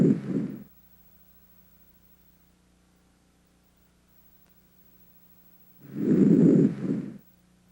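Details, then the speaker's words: Soft, low normal breath sounds heard through a stethoscope on the anterior chest during auscultation, with no added sounds. "decide what type of breath sounds you are hearing and note any added sounds if you hear heart sounds near the heart try to ignore them while you concentrate on the breath sounds now let's listen as the examiner auscultates"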